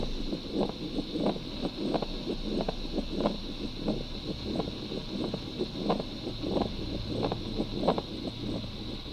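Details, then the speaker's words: Acute pericarditis teaching example: scratchy, grating sounds repeating with each heartbeat, about 90 a minute; pericardial friction rub. "okay once again the last time okay very good so you hear pericardial friction wrap"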